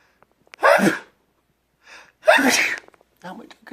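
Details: Two sneezes in a row, each a quick inward breath then an explosive burst, with a brief sound afterwards; the person wonders aloud about being allergic to something.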